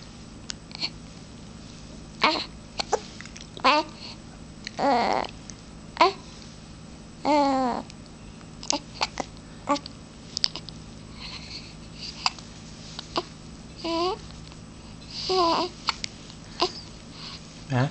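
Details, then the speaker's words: Child with hiccups: about a dozen brief, abrupt catches of breath mixed with babbling, plus a sneeze-like burst; hiccups and a sneeze. "you have the hiccups oh bless you h"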